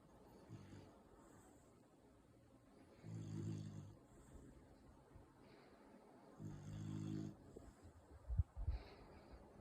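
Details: Four-month-old Beagle Bull puppy asleep, with low rumbling snores on the in-breath about every three seconds and quiet breathing between, loud like a grown man: snoring.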